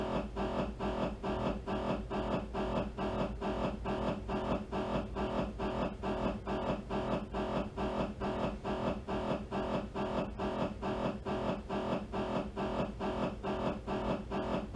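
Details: Loud, rapid, steady mechanical buzzing pulses at about 136 a minute from an MRI scanner running a T2 axial sequence.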